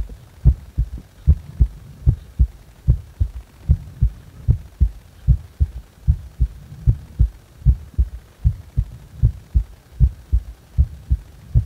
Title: 心臓に違和感があるときの心音